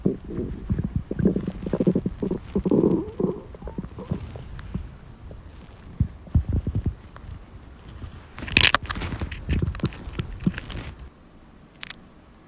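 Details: Self-recorded hunger growling of the stomach: low gurgling rumbles and bubbling squeaks from an active gut, ordinary hunger sounds of the stomach and intestines.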